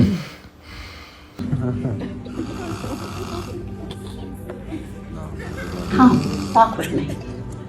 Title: Funny snoring #funnyvideo #reaction #fyp #viral #funny